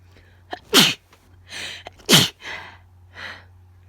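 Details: Two forceful, wet sneezes, each with a sharp in-breath before it and sniffing or breathy sounds after it, from a person with an unexplained, very ticklish, itchy nose; sneezing.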